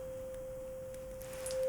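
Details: Simulated ASMR roleplay hearing assessment: steady, pure, mid-pitched hum from a struck tuning fork held behind the ear for bone conduction during a Rinne test for conductive hearing loss.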